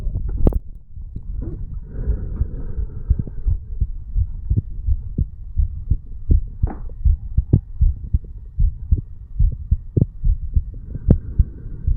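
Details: Normal heartbeat of a 35-year-old male sitting on stairs, recorded over the bicuspid (mitral) valve area.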